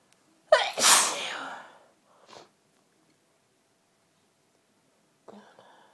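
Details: Sneezing fit: one loud explosive sneeze with a short intake before it, then a faint breath and brief murmur.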